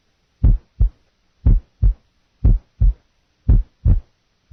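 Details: Physiological split second heart sound on a teaching recording: simulated regular heartbeat near 58 per minute with S2 split audible on inspiration and single on expiration, a normal finding.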